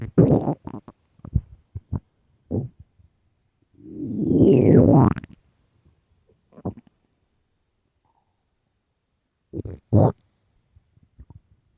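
Loud gurgling stomach growls in short bursts, including one long rolling rumble, typical of normal bowel sounds from an empty stomach.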